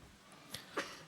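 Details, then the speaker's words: Adult man giving a religious lecture coughs; he says he has had a cough since yesterday afternoon. "Hai suara saya gak salat sejak kemarin sore jadi kena batuk"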